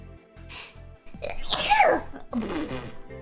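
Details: A sneeze followed by a weird moan-like noise from an adult female streamer during a live stream.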